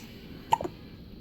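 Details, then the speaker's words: Infant's first hiccups: a single short, abrupt hiccup sound against quiet room noise. "You got the little hiccups? Ooh. Say hi. Hi, everybody. Hiccup. Yeah, you got the hiccups."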